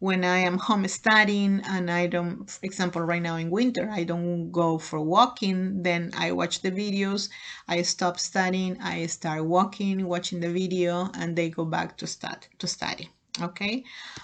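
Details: Adult woman speaking; normal speech.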